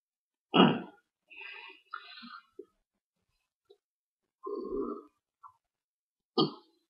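Several short, low, throaty gulping bursts in a quiet room, one longer rumbling one; repeated burping.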